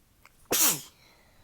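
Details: Sneezing fit attributed to allergies, a change in the weather and fatigue, with throat pain from the sneezes: a soft intake of breath, then one sharp, explosive sneeze with a voiced trailing sound.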